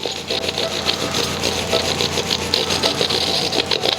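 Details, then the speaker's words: Microdebrider removing large, drug-resistant nasal polyps, including hidden posterior parts, during revision endoscopic sinus surgery after medical therapy: rapid rasping, chattering mechanical noise with a low motor hum. "뒤쪽에 숨어있는 부분까지 다 이렇게 제거가 됩니다"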